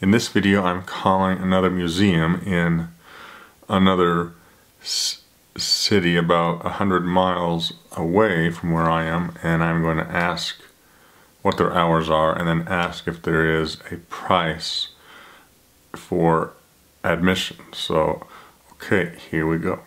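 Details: Adult who stutters; stuttering.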